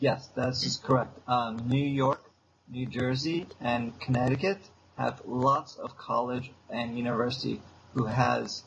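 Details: Adult man with aphasia since a stroke seven years earlier, still in speech therapy four times a week. Aphasia.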